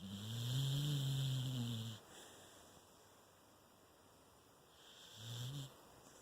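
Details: Two low, rumbling snores on the breath, with a quiet pause between them, from a sleeping dog.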